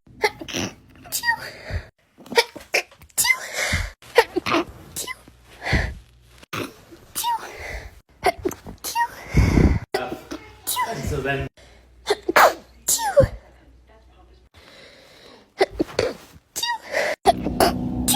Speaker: That's such a cute and small petite sneeze. Your worst nightmare is sneezing. Oh no, I'm going to sneeze.